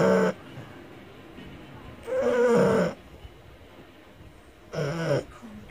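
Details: Loud snoring from a sleeping French Bulldog: buzzing, slightly tonal snores about 24 times a minute with quiet gaps between.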